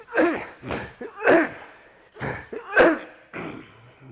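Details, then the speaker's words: Adult actor with Tourette syndrome: repeated short throat-clearing sounds and small coughs in quick succession, usual vocal tics of throat clearing, coughing and throat noises. "when I tick I clear my throat I cough sometimes I make noises in my throat"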